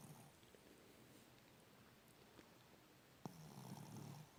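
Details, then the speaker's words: A quiet room, then a low, rattling rumble on an in-breath near the end from a sleeping animal that the owner says won't stop snoring: snoring. "para parar de roncar por favor você é louco mano para de roncar um pouco aí"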